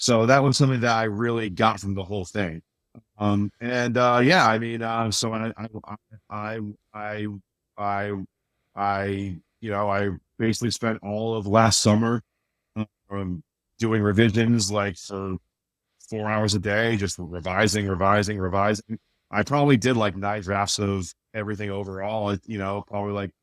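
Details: Adult man with a speech impediment since childhood, much worse then and greatly improved now, still slightly audible; repeated words and fillers; stuttering-like disfluency (mild, residual speech impediment).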